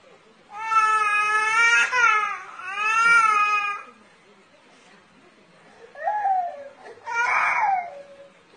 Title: Cute baby funny cry 😂😂🤣